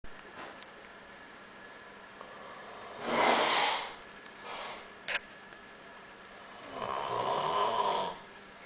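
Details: Person snoring during a trip in Valencia: irregular, breathy, hissing snores without much low rumble, with a brief click and background room noise.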